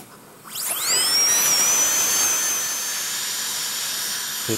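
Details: Dental high-speed handpiece spins up to a steady high-pitched whine with hiss of air and water spray, adjusting occlusion of restorations after articulating-paper bite check, in restorative treatment of malpositioned dentition.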